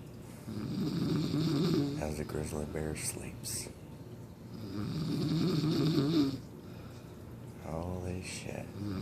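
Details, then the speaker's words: Loud adult snoring at night (sister-in-law), likened to a chainsaw or grizzly: rattling snores with fluttering, vibrating inhalations and sharper snorts between them in a quiet room, lasting for hours. "who can sleep in the house when I got somebody [ __ ] snoring like a [ __ ] chainsaw"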